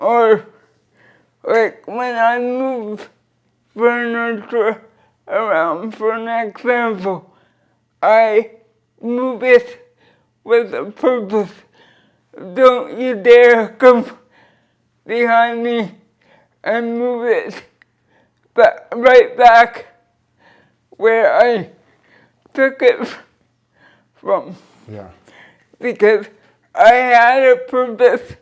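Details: Dysarthria in a 46-year-old woman with cerebral palsy since birth who uses a wheelchair; she describes her speech as slurred but says her comprehension is intact.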